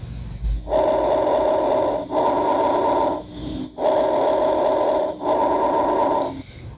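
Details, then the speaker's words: Simulated breath sounds from an auscultation practice app, with even, equal-length inspiration and expiration: normal bronchovesicular breath sounds. "una respiración bronco vascular"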